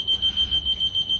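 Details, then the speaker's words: Rapid, regular high-pitched beeping from an SLE2000 neonatal ventilator in a teaching demo, triggered when pressure exceeds the set value (20) by 4, accompanied by a high leak alarm and sounding until muted and reset; ventilator high pressure alarm. "الالارم اللي هو الهاي. ودايما الهاي الارم معاه ليك عشان بيبقى في سيفتي ان هو خايف يبقى في اكسس بريشر على اللانج فهو من نفسه بيعمل ليك."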